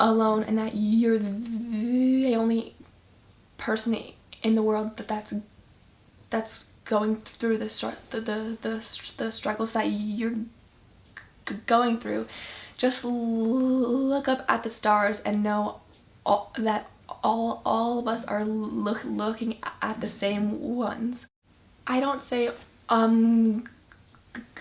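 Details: Young woman who stutters, first realizing it in 5th grade on seeing a video of her presentation, later introduced by her speech therapist to a summer camp for kids who stutter; stuttering.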